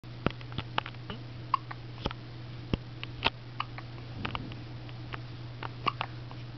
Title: Hiccup Monkey